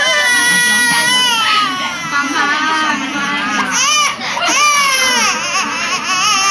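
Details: Loud, sustained wailing cry with shaky sobbing breaks from a young girl trembling after an injection.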